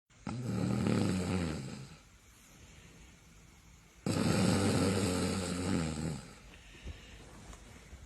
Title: Comic relief: Nothing stops him. #funny #comedy #viralvideo #snoring